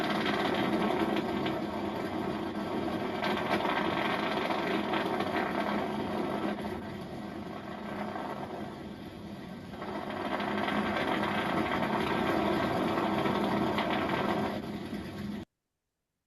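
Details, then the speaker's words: Needle EMG in a patient diagnosed with dystonia, signal obtained while the patient did the opposite of the involuntary movement: continuous dense crackling buzz of motor unit firing, a dystonic discharge. "So this is an actual donia on a patient and this is what it sounds like."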